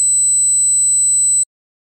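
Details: Simulated tinnitus: a steady, very high-pitched whistling tone, illustrating the ringing that a person may hear in the ears.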